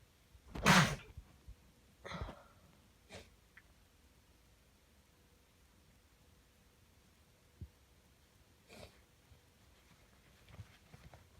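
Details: Sneezing from a man with a cold, sneezing into a tissue, then a final nose blow: one loud sneeze, a second smaller sneeze, faint sniffs and tissue rustles in a quiet room; low audio quality.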